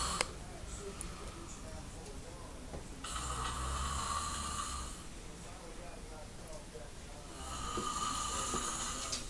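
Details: A sleeping adult friend snoring during a prank: slow, rough, rattling inhaled snores, two long cycles, over background room noise.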